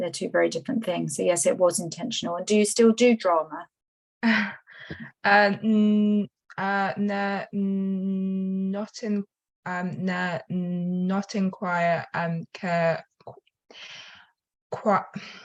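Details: Stuttering in a female attendee at a stammering charity event who says she has a stutter.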